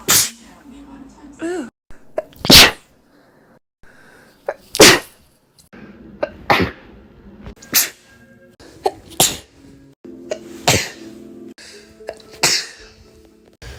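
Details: Adult sneezing repeatedly, about six sharp sneezes in fourteen seconds with soft breaths between them.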